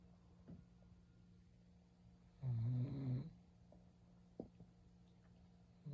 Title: always snoring 😂